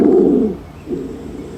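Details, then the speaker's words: Stridor in an educational demo: harsh, loud, high-pitched musical breath noise heard in two phases, indicating upper airway obstruction; biphasic stridor suggests fixed obstruction such as tracheal stenosis or foreign body. "El estrior es un sonido respiratorio que se va a caracterizar por ser agudo y fuerte, que esto va a indicar una obstrucción de las vías superiores."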